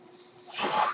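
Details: The speaker's own mechanical ventilator, noted during a recorded podcast: a quiet stretch, then a rising rush of hissing air as it delivers a breath.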